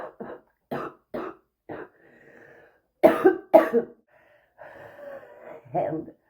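Repeated harsh, rough coughs in bursts of about seven, with throat clearing and gasping breaths between. A persistent smoker's cough.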